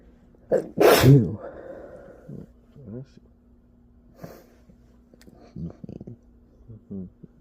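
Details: Sneezing attributed to allergies: a sharp intake, then one loud explosive sneeze, a short trailing breath and quiet voices; a single forceful sneeze.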